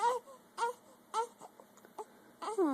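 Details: Infant crying in short, repeated fussy wails (about five) with quiet gaps, during a bout of hiccups that have come back again; the infant is described as angry.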